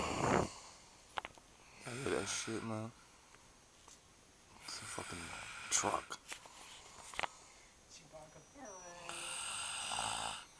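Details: Loud snoring with a large nostril noted: rattling, fluttering snores on breathing in, with people talking and laughing nearby.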